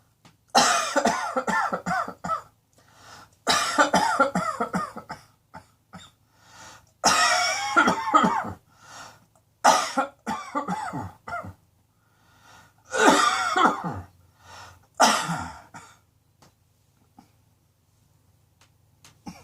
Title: Cross Dressing Coughing 19